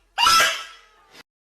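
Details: A single loud, high-pitched explosive sneeze that fades out, then a brief short breath.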